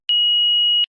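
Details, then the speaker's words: Philips HeartStart FRx training AED switched on with the green on-off button after the infant-child key is inserted: a single steady high power-on beep under a second long, before the infant-child mode voice prompt. "To start the defibrillator, press the green on-off button and follow the HeartStart FRx's voice instructions."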